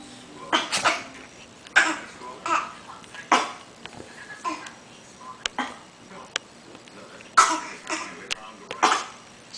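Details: A series of short, forced dry coughs from a person deliberately faking them rather than coughing from illness: voluntary (faked) cough.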